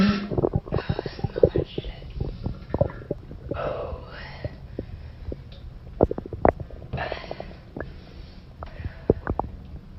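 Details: Loud stomach growling (borborygmi) in a girl who has held in a bowel movement all day: continuous gurgling and rumbling with many sharp pops and bubbling runs over ten seconds.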